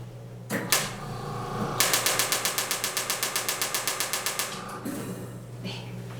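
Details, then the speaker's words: Radial shockwave (radial wave) therapy handpiece firing, louder than the vibration-type device, used for cellulite: rapid, loud, regular clacking pulses about four per second. "바로 방사형 파, 라디얼 웨이브, 즉 방사형 충격파라고 부르는 형태입니다. 소리가 좀 더 시끄럽거든요."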